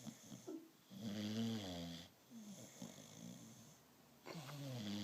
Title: Snoring Dog (American Bulldog)